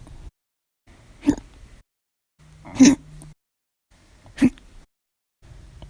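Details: Three short, sharp, jerky gulping sounds about a second apart against near silence, after lunch, in an audio-only recording. Hiccups.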